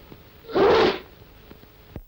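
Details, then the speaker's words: Acted sneeze in a UK public information film on handkerchief use: a single loud, voiced sneeze, a sharp indrawn build-up then an explosive half-second burst, in a quiet room. "Now, handkerchief, sneeze. (achoo) Sneeze, handkerchief, (achoo) Got it?"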